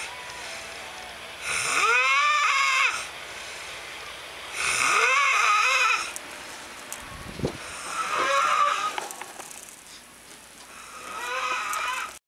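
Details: A man snoring at 4:58 AM: loud, high-pitched, whining snores at about 19 per minute, with a rising squealing tone on each breath; snoring of unusually shrill, demon-like quality.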